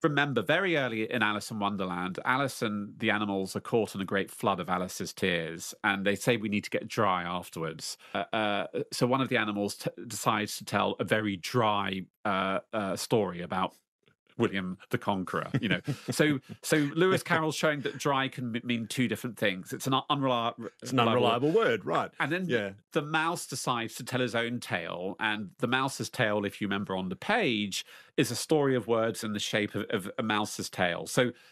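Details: Adult man, lifelong stutterer since age four or five, stutter worsened again in his 30s; interiorized stutterer who conceals blocks; stuttering.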